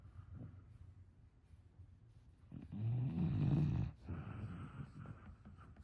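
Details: An English bulldog sleeping through anything: a single loud, rough, rattling snore after quiet breathing; ordinary snoring during sleep.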